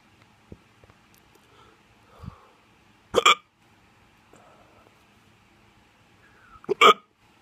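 Two sharp, sudden voiced gulps about three and a half seconds apart, with faint sounds between them: hiccups.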